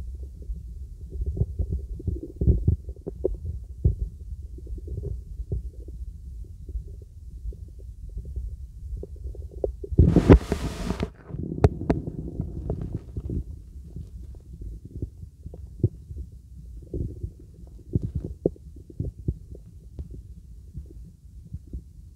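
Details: Normal bowel sounds from a girl's stomach, heard through a real stethoscope during full-body auscultation: soft, irregular low gurgles and clicks, with brief rubbing noise.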